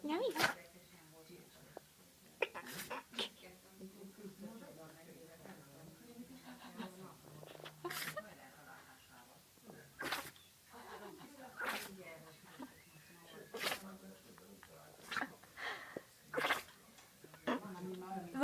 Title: Mischa puppy griffon sneeze